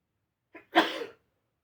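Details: Streamer sneezing and blowing nose: a short indrawn breath followed by one sharp, explosive sneeze.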